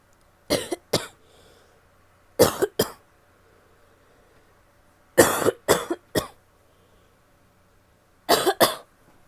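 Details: Adult female coughing: four short bouts of about nine coughs in all, in pairs and one triple, with quiet pauses between; repeated cough.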